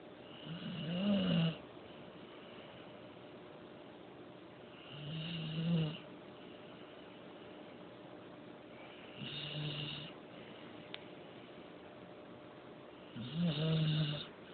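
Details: Spoiled pet puppy sleeping on pillows and blankets, snoring: four slow, rough snoring breaths over about fifteen seconds, roughly 16 a minute, quiet pauses in a calm room.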